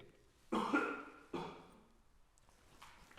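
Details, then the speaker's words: Two harsh, abrupt cough bursts from an adult, close together, in a quiet room during a nighttime paranormal investigation. "did you hear that cough"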